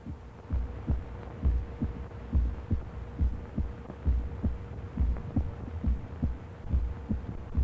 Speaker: there is one heart clown as the ventricles contract and a second when they relax and the exit valve snapshot